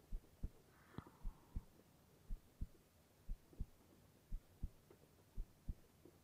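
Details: Soft paired thumps, about 100 beats a minute, from a woman's own heartbeat recorded as she lies in bed for sleep, with faint rain-like hiss; normal heartbeat.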